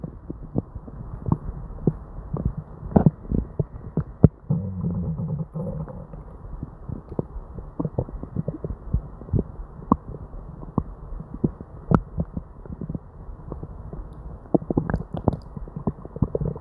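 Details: Person with diarrhea: frequent low gurgles, pops and rumbles with almost no quiet gaps; hyperactive bowel sounds of an upset stomach.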